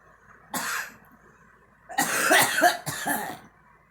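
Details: Girl coughing: one short burst, then a louder run of three or four quick coughs and a final burst, over a quiet background.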